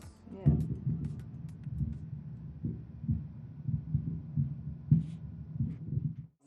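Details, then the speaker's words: Heart sounds heard during a health check, described as strong and healthy like thunder; deep, regular booming heartbeats with a steady rhythm: normal heart sounds. "like thunder strong healthy heart sounds"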